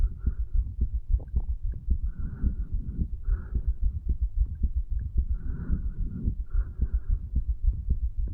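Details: 35-year-old male's own heartbeat, recorded over the tricuspid area lower than usual, after medical marijuana and nicotine: regular, deep, muffled lub-dub thumps with a low background rumble.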